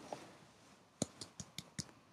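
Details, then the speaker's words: Nurse practitioner student's practice head-to-toe exam of an adult man with no pain: chest percussion over the lungs, five quick, evenly spaced, hollow low-toned taps; resonance throughout the lung fields, a normal resonant percussion note. "perfect i hear resonance throughout the lung field"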